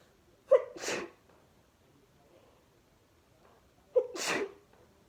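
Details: Two sneezes a few seconds apart from a 26-sneeze fit while watching TV, each a quick sharp intake followed by a forceful burst of air.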